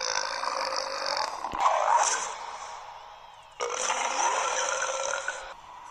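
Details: Burping contest entry: two long, drawn-out, rumbling voiced burps, each lasting a couple of seconds, separated by a brief pause.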